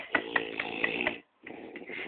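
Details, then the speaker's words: Two men asleep, snoring, with laughter nearby and tinny, narrow phone-like sound: harsh, rattling, buzzing breaths with a brief pause; heavy snoring. "ó o ronco de novo ó o ronco ó o ronco ó o ronco ó o [Risadas] ronco viaje"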